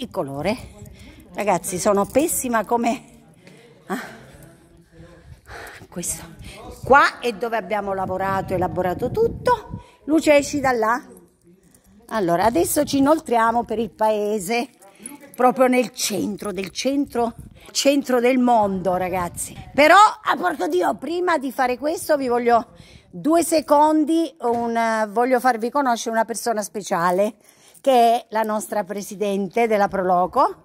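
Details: Female with Tourette syndrome: vocal tics with coprolalia, sudden involuntary swearing outbursts interrupting her speech.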